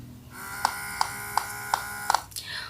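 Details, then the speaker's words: Bumbee Collection electric breast pump, used for three months, running in massage mode (20 pressure levels): a steady motor hum with regular clicking pulses about every third of a second; described as not very noisy, quieter at lower power. "Untuk suaranya sendiri bisa teman-teman dengerin, ini nggak terlalu berisik ya menurut aku. Apalagi kalau misalkan kita turunin powernya. Dia jauh lebih ringan suaranya."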